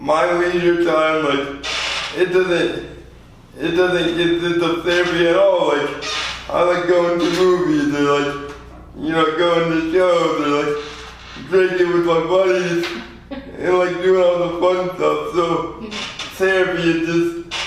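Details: 24-year-old man with lifelong spastic quadriplegic cerebral palsy after premature birth at 2 lb 4 oz; speech impairment in spastic quadriplegic cerebral palsy, specific speech disorder not named.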